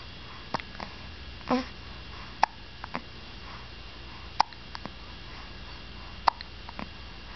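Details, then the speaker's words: Hiccups in a 2-week-old baby while sucking during feeding, recurring "burpee" hiccups. "Got the burpee hiccups again."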